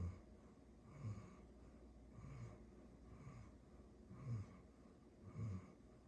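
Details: Dog snoring: low, rough snores recurring with each breath about every second in a quiet room.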